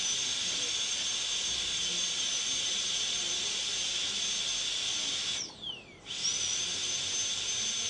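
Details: Constant shrill whine with a hissing air-water spray, briefly stopping and spinning back up; a high-speed dental handpiece cutting a tooth during a molar PFM crown preparation; dental high-speed handpiece with air-water spray.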